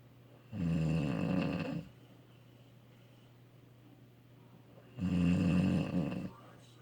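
Two loud, low rattling snores on the in-breath, about four seconds apart, with quiet pauses between; snoring.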